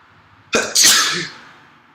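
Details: A single forceful sneeze, a sharp inward catch then an explosive hissing burst that fades, at the onset of a cold that went on to bring endless sniffles and heavy nasal mucus.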